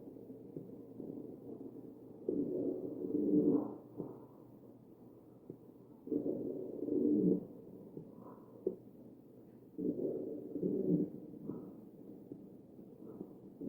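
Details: Wheezing heard over the chest of a patient on a ventilator, recorded from a real patient.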